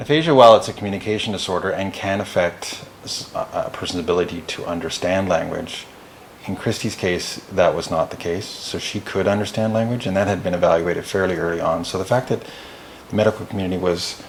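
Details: Adult man speaking; ordinary fluent speech.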